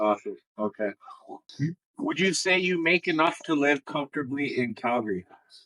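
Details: Adult male interviewer; typical speech.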